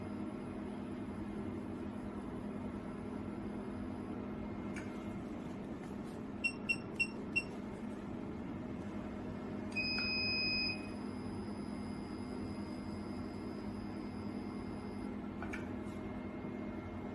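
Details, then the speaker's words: CO2 fractional laser machine test-firing on paper before facial treatment, pedal switch pressed, about 1 ms pulse and 0.8–1.0 mm spacing recommended: steady hum, four sharp beeps, then a longer firing tone. "Click ready to start treatment. Step on pedal switch. Test the energy on AIV paper before treatment."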